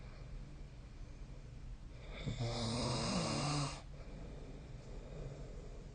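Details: Sleep snoring: a single rough, low snore over steady room noise.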